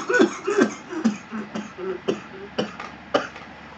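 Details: Cough while vaping on a super nano coil setup after refilling 10 drops, while trying not to cough.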